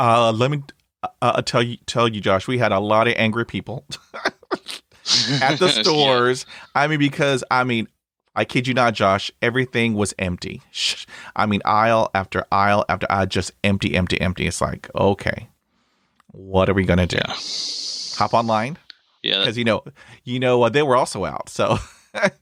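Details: Stuttering in an adult man, with blocks in which he holds his breath and closes his eyes, plus repetitions. He reports particular difficulty with the letters H, P, R and S.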